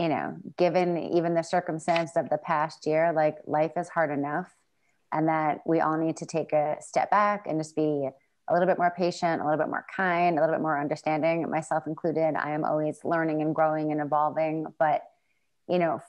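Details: Adult woman; normal speech.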